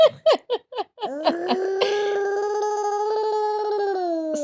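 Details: Infant cry from a baby, whose snoring while asleep is also filmed: several quick, rhythmic infant vocal bursts lead into a long, steady voiced wail.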